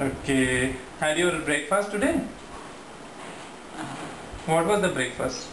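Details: Adult therapist speaking; typical speech.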